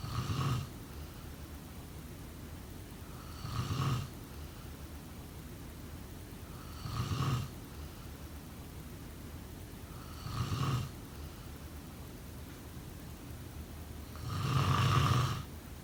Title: Snoring sound… #2